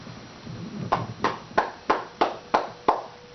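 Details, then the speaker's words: Seven hollow, regular claps at about three per second: a caregiver's cupped-hand chest percussion for postural drainage airway clearance in a child with cystic fibrosis, loosening thick mucus. "and then you're going to clap the chest wall with your cupped hand and you want it to kind of sound like this"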